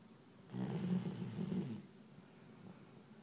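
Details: Phil in deep sleep snoring: a single rough, rattling, low-pitched fluttering snore lasting about a second, then quiet breathing.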